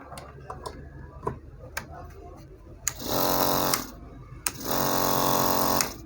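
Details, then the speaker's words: Nebulizer machine's vacuum pump running again after a home repair that reattached and tightened a loose part: clicks and handling noise, then two spells of steady buzzing compressor motor hum. "बाप जो है vacuum pump जो है वह बिल्कुल on हो चुके हैं इसका सिर्फ यही मसला था इसका जो यहां से पेज है वह फ्री होकर निकल चुका था"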